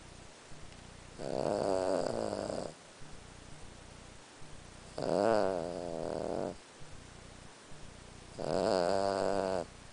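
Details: 14-year-old Lhasa Apso dog snoring while asleep, as it does every night: three loud, rattling, buzzy breaths about 3.5 seconds apart, roughly 17 a minute, with quiet pauses between.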